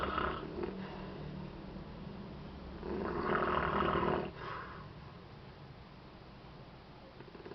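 Rough, rattling breathing noises from a sleeping infant, with a louder snoring breath midway: infant snoring.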